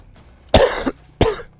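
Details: Two harsh, loud coughs a moment apart from a gamer who says he has been sick and coughing a lot over the past couple of hours, recorded during a gaming session; post-viral cough.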